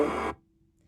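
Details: Brief, buzzy, nasal "ah"-like voice sound heard through the stethoscope while the person says "e", with loud staticky background noise: positive egophony, indicating lung consolidation.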